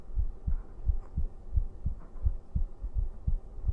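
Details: Male livestreamer's own heartbeat recorded for an ASMR sleep stream: regular soft low thumps at about 87 beats a minute over faint room hum, normal heart sounds.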